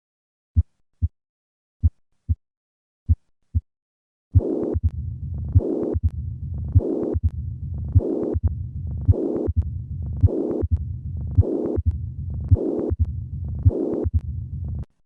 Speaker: listen once again to combine mitral stenosis and regurgitation